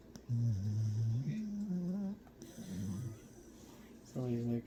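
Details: Beagle dog snoring hard while asleep, possibly dreaming: long, low, droning breath sounds with a whining, voiced quality over several breaths; snoring.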